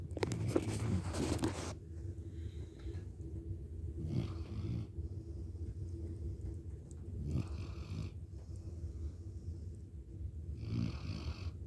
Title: Mudflap snores...